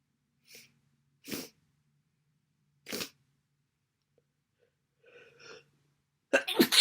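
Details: Massive, wet sneezes from a cold: short sneeze bursts with quick catch breaths, ending in a loud, wet sneeze.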